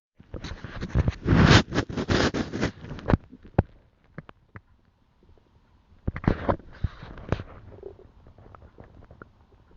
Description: this is first time when i'm records my own stomach sounds.